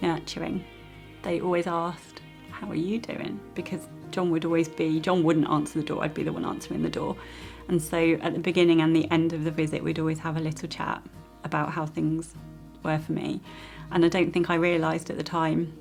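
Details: Adult woman speaking; normal speech.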